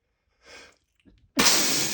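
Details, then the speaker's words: A male, after an urge to sneeze and a tickle, gives a soft indrawn breath, a brief catch, then one loud, forceful, spraying wet sneeze. "Oh god. Oh, I got to sneeze. I'm going to sneeze. Got to sneeze."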